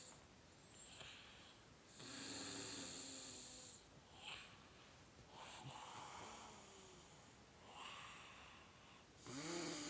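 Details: Hissing, whistling breaths in slow cycles with a rattling snore on the loudest ones; snoring during sleep.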